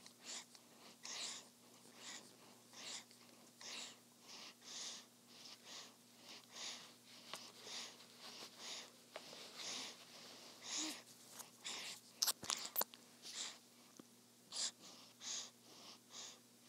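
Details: Infant girl sleeping after a feeding: soft, regular breaths at about 50 a minute, with a faint steady hum in the room; normal infant sleep breathing.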